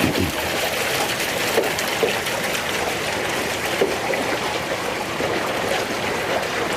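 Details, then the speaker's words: BSD-2000 deep regional radiofrequency hyperthermia system after cancer treatment ends: the operator pulls a valve that rapidly drains the water from the applicator bolus, a steady rushing, trickling sound of water draining quickly. "then the operator simply reaches down and pulls a valve that rapidly removes the water from the bolus"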